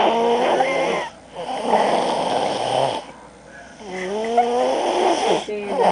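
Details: Loud, rough snoring on inspiration with a whining, wavering pitch, separated by brief quiet exhalations; snoring.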